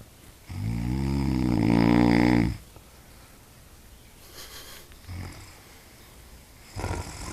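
A loud, rattling snore on the in-breath lasting about two seconds, then a quieter pause and fainter breath sounds: ordinary snoring in a sleeping animal.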